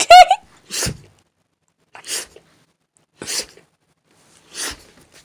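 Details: Four brief, sharp, hissing sneezes about a second apart from a small pet animal, after a short vocal sound; repeated sneezing.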